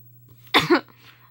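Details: A single harsh two-part cough burst from a person with an ongoing bad cough, in a quiet room over a steady low hum.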